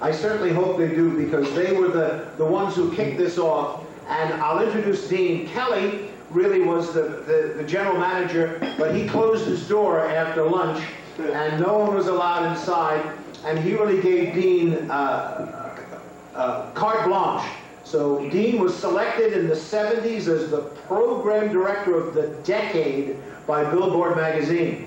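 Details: Adult male speaker; Normal voice.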